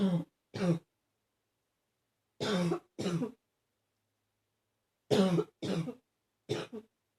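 Three bouts of paired harsh coughs, seven coughs in all, with a hoarse, barking quality.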